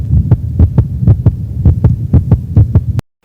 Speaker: while the bell is used for high frequency sounds like fetal heartbeat